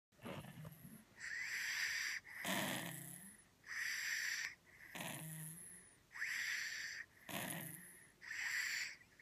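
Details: Snoring with nasal congestion (stuffy nose): fast snoring with a high nasal whistle on each breath and a low flutter on the other phase.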